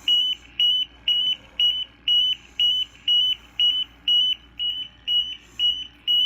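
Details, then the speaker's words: Repeated high electronic alarm beeps, about two per second: an oxygen monitor's low-oxygen alarm reading about 18.9% with a sock worn over the nose and mouth as a mask, before reset. "19 % I'm gonna reset the alarm she can hear me it's 18.9% with a sock on"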